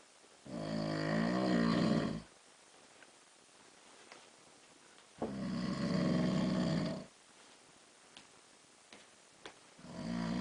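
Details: Adult man asleep at night, snoring louder over time, loud rattling snores on each in-breath, about 13 breaths a minute, with quiet pauses between; snoring.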